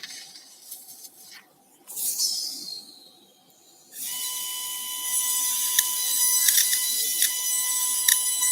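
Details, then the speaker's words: High-speed surgical burr drilling vertebral bone during a C4-5 ventral slot in a cocker spaniel with cervical disc rupture, severe neck pain and forelimb deficits. Saline is dripped to cool the burr and clear debris: high-pitched whine with hissing and intermittent ticks. "the reason why I'm dripping saline is number one to cool the burr then also to keep debris from getting caught up in the flutes of the birth"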